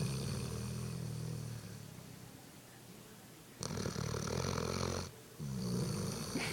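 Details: Dog snoring while asleep: loud, rough snoring on each inhalation with a short quiet gap between breaths.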